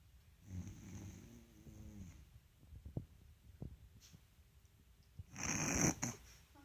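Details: Sleeping dog snoring: rough, fluttering breaths and soft snorts, with a louder noisy breath near the end.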